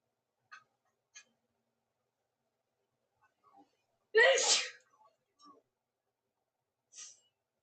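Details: Woman's sneezing fit: one forceful sneeze between small breathy sounds in a quiet room.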